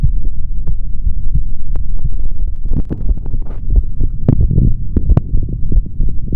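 Low, muffled thumping heartbeat through a stethoscope at about 90 beats a minute, with steady low hum and rubbing noise.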